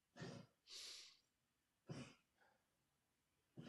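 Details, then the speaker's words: A dog gives short, harsh coughing bursts with hissing breaths between, some distance from the microphone; the owner says he always coughs like this during livestreams; dog cough. "sorry my dog if you can hear him coughing can you hear that I he always does this on a stream"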